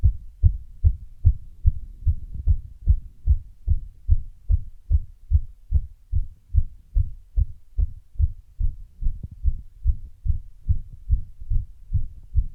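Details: Heart sounds after running, with an arrhythmia appearing partway through: a loud, quick heartbeat of around 140 per minute, with a stretch where the beats fall unevenly; a fast rhythm with an irregular spell.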